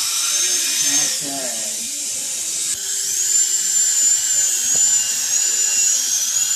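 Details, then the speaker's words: Dental drill removing caries from a numbed 6-year-old boy as the dentist reassures him ("almost done there buddy"): high-pitched whine with pitch shifts as it cuts, quiet room, brief low voice. "okay that's a noise almost done there buddy hang on that's a noise"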